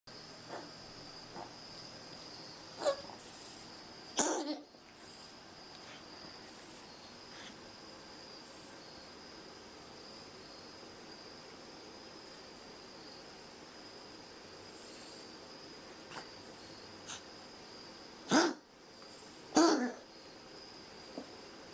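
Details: Cat named Jackson gives a few short, sharp coughs over steady insect chirping in the background: a cough.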